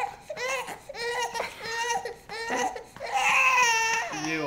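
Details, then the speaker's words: Infant girl crying after feeding when picked up to burp, her typical reaction after eating and burping; loud, high-pitched repeated wailing bursts, adult voice briefly at end; infant cry. "she was doing great until I picked her up to burp then she just freaked out this is her typical trade after eating and burping"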